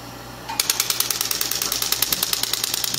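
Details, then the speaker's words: Extracorporeal shockwave therapy for tennis elbow, patient's second treatment at a chiropractic clinic: rapid, regular clacking taps about nine a second after a brief hum, the repeating pulses of the handpiece firing. "So this is what it looks like. This is what shockwave looks like."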